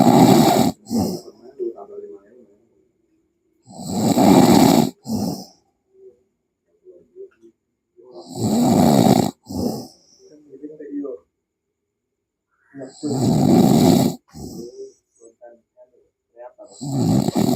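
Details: Loud, rough snores on each breath in, about four a minute, with quiet gaps and soft breath sounds between; snoring during sleep.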